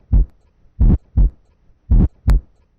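Two heart cycles with loud, coarse, rough-textured sounds around each beat, about 52 a minute; a harsh heart murmur.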